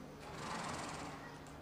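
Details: Horse walking during work giving a relaxation snort: rapid fluttering blow of air through the nostrils lasting over a second, linked to relaxed, positively perceived states.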